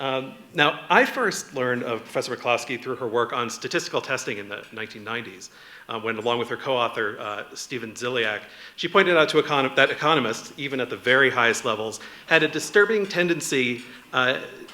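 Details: Adult male speaker; normal speech.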